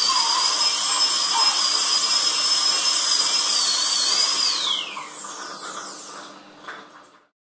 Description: High-pitched whir that means a dentist’s drill is in use.